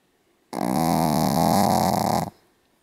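One loud, harsh, rattling snore lasting almost two seconds, set in a quiet room; snoring in a sleeping small dog.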